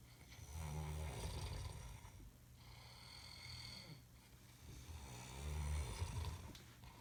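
Deep, rumbling snores on each breath in, with quieter breaths out between; two snoring cycles in seven seconds.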